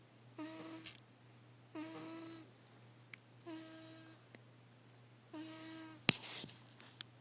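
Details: Sleeping cat snores with four regular, whistling, tonal breath sounds roughly every one and a half seconds; snoring.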